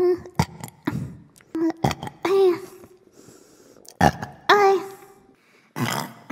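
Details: Compilation of a woman's repeated burping: several loud, voiced, throaty belches in quick succession with short gaps, over faint music.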